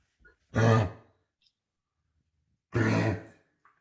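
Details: Two harsh, forceful cough bursts from a dog, separated by a quiet pause; a severe cough in respiratory disease, discussed alongside bronchitis.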